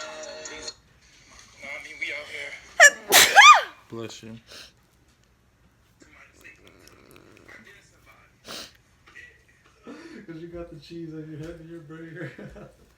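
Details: Person repeatedly sneezing after dyeing hair pinkish: a loud, sudden sneeze with sharp intake and explosive burst amid quiet talk and faint music.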